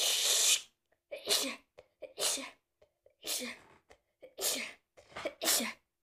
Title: I caught a cold and now im sneezing😷🤒(noseblowing)